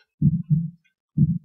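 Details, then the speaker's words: Normal heart sounds: low, dull paired lub-dub thumps at about 60 beats a minute, demonstrated in a classroom lesson explaining that the sounds come from the heart valves opening and closing. "we want to revisit this concept of a heartbeat until the listen closely absent again how many feats are there no hurry to love tough love this kind of what we say it makes that kind of sound"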